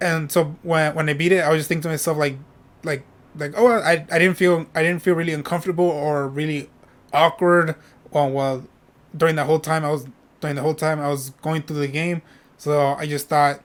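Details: Adult male streamer who says he stutters when speaking and often repeats himself, with word and part-word repetitions; stuttering.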